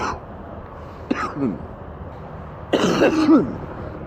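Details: Man sick with an extremely stuffy nose and horrible cough: two deep, rattling, phlegmy coughs; wet productive cough.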